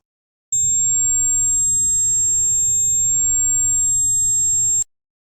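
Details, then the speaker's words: Simulated tinnitus: steady, piercing high-pitched ringing tone lasting about four seconds, as patients perceive inside the ear, often on one side only. "So tinnitus எப்படி இருக்கும், என்ன feel ஆகும்னு பார்த்தீங்கன்னா, காதில் ஒரு கொயின்னு சொல்லிட்டு ஒரு சவுண்ட் கேட்கும், இந்த மாதிரி."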